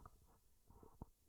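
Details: Borborygmi (stomach rumbling).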